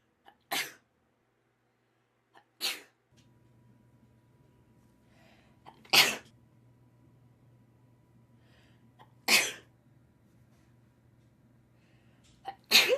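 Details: Five sharp, explosive sneezes about every two to three seconds over a low room hum; a run of repeated sneezes.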